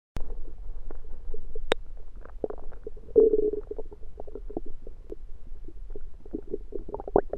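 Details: Stomach growling at night after fasting: low gurgling and rumbling growls with bubbly pops, ordinary hunger borborygmi.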